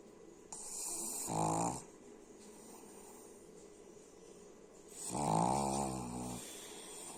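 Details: Snoring: two loud, rattling snores separated by quiet breathing over about seven seconds.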